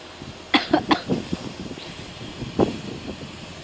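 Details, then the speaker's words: Adult coughing while eating fruit (rambutan, mangosteen) on camera: a few short, harsh coughs in a quick burst, then one more, over background noise. "Sorry batuk-batuk sebab Berapa hari suruh coba kan dibuat Reza ingat buat video"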